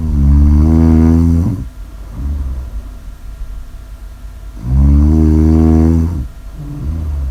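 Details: Snoring: two loud, low, rattling snores on breathing in, each about 1.5 seconds, with quieter breathing out between them.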